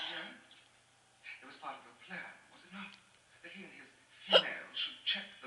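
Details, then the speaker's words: Adult with hiccups after a night out drinking alcohol; short voiced bursts and murmurs with a sharp, abrupt catch typical of a hiccup. "I'm going to find out how to get rid of hiccups and then I'm going to come get back to you."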